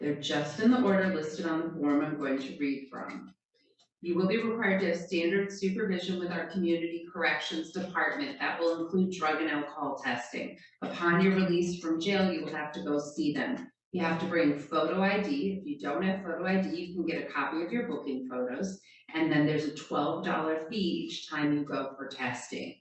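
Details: Adult speaker; normal speech.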